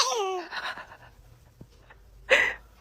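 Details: Baby's first sneeze: a brief infant vocal sound, a quiet pause, then one short explosive burst; a single baby sneeze, followed by laughter.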